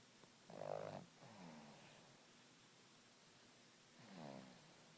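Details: Dog snoring lightly while asleep: soft, brief snorting snores with quiet gaps between them.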